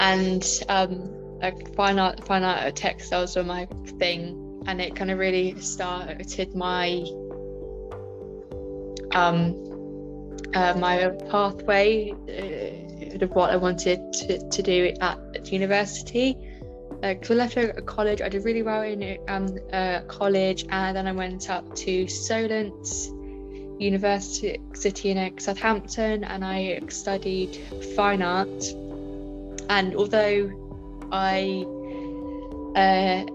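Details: Woman with a stammer since about age five, with filled pauses and repetitions; stammering.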